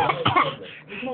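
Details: Voluntary fake cough: a couple of short voiced bursts that sound put-on rather than reflexive.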